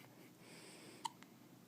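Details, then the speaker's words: Newborn on first day home, with hiccups: one sharp, short hiccup and a faint follow-up sound in a quiet room. "Mr. Kai, you have the hiccups."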